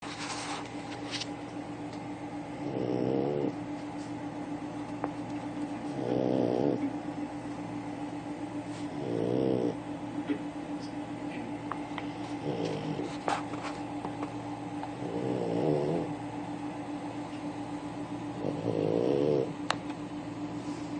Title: Snoring pug